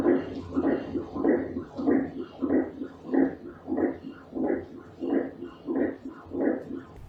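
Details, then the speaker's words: Rhythmic whooshing pulses at about 95 a minute: normal blood flow through heart valves and arteries heard on Doppler echocardiogram; normal Doppler echocardiogram blood flow sound. "Aquí un ejemplo de cómo suena el movimiento de la sangre cuando sale a través de esas válvulas y esas arterias."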